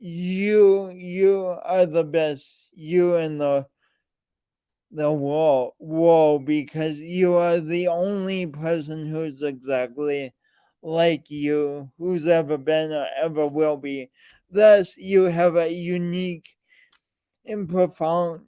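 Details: Man with a speech impediment present since birth and still ongoing, alongside lifelong coordination differences; speech impediment with dysfluency.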